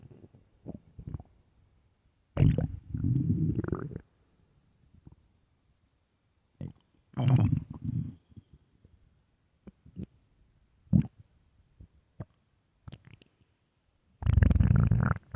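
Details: Stomach growling, possibly from hunger: deep, loud rumbling growls in several bursts with faint gurgles between them.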